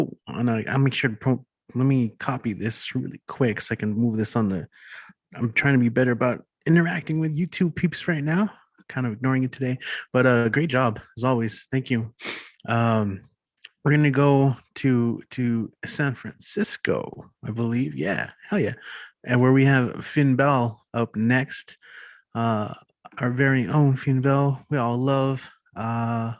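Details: Adult man speaking; normal speech.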